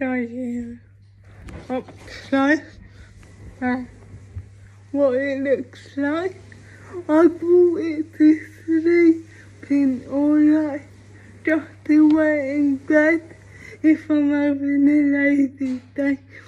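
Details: Speech of a female vlogger with cerebral palsy; dysarthric speech associated with cerebral palsy.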